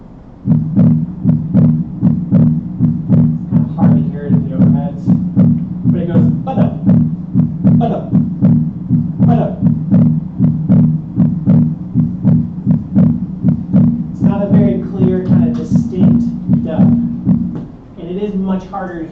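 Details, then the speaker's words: Teaching audio of physiologic splitting of S2, best heard at the pulmonic area: regular heartbeat at about 77 a minute with a split second sound rather than one crisp dub. "I guess you just have to hit the I believe button that that actually was splitting of S2."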